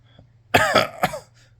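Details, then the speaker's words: Three quick, harsh cough bursts in a quiet room from a hoarse adult man still coughing five months after COVID infection, which he suspects is long COVID; persistent cough. "i didn't really believe in the long spicy cough but i'm reading reports of six months and"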